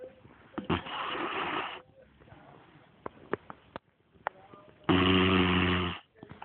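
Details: Sleeping American Staffordshire terrier puppy snoring lightly: two rough, rattling breaths, the second louder with a fluttery buzz, between quiet breathing and small clicks.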